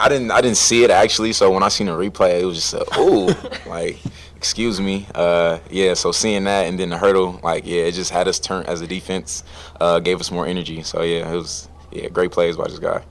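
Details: Adult man speaking; normal speech.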